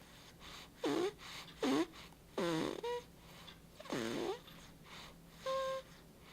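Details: Soft repeated squeaky, whistling snoring sounds from a sleeping baby, roughly 39 a minute, in a quiet room; infant snoring.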